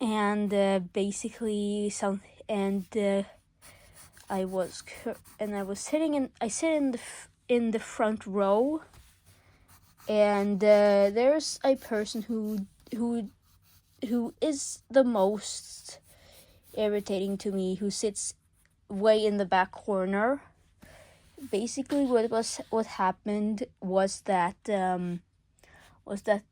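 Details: Male speaker under legal guardianship who self-reports stuttering a lot: real stuttering.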